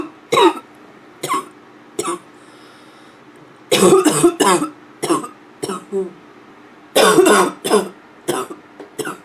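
About a dozen harsh, hoarse cough bursts, some single and some in quick clusters, with a barking quality.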